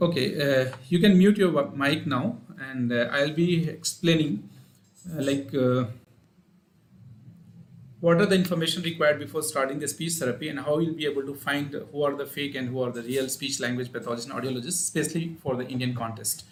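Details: Adult man speaking; normal voice.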